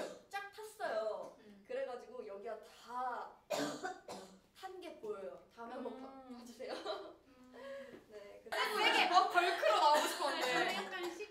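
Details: Lovelyz K-pop singer: short talking fragments broken up by brief coughs and throat clearing, with louder background noise near the end.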